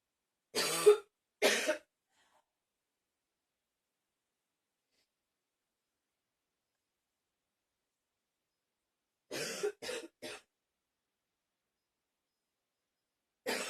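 Bursts of harsh coughing, two coughs, a pause, then three in quick succession and another; repeated coughing.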